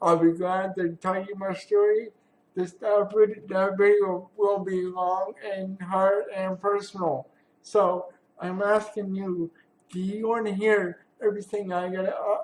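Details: Dysarthric speech in an adult man with cerebral palsy, who mentions attending therapy sessions; real, not acted.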